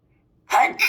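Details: A single sudden burst of noisy air after a brief pause, one sneeze.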